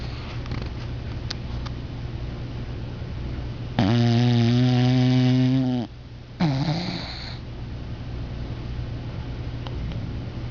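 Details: Angel asleep, possibly dreaming: a long, deep, fluttering snore followed by a shorter one over steady room noise, typical of a pet snoring in sleep; snoring.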